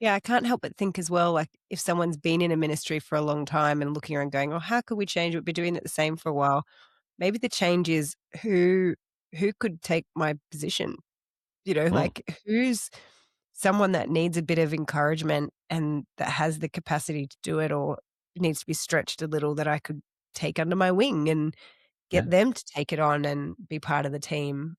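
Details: Adult speaker; normal conversational speech.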